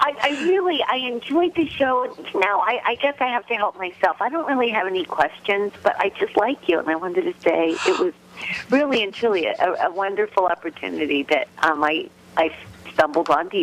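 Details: Adult woman on telephone line; Normal voice.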